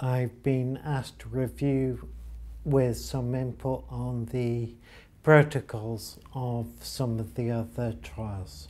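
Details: Ataxic dysarthria in an adult man with ataxia diagnosed 10 years ago by blood test; speech deterioration first noticed after a holiday, along with difficulty walking down stairs.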